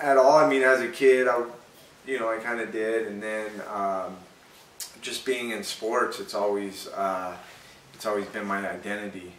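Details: Adult man who has stuttered since childhood and still stutters slightly; stuttering.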